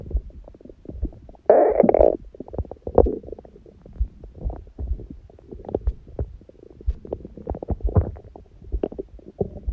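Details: Adult's abdomen recorded after a large meal, eaten after a fast, and after ab exercises on a raw-food diet: irregular gurgles, rumbles and squeaks, ordinary active bowel sounds.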